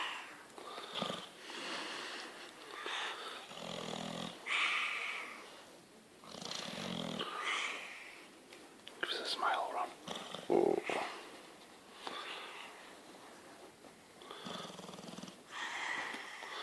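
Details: Several sleeping dogs (a bulldog, a Staffordshire bull terrier and a Yorkshire terrier) snoring with repeated rasping, snuffling breaths and whistling, wheezy snores.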